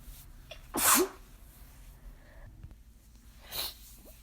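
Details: Person attempting deliberately "girly" sneezes that came out too strong: a loud, sharp burst of air, then a softer second sneeze a few seconds later, in a quiet room.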